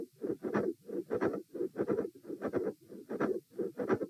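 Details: Repeat auscultation stress test at position E (lying, sitting, standing, then lying again; 78–114 bpm): a midsystolic click with a systolic murmur and a fixed split S2.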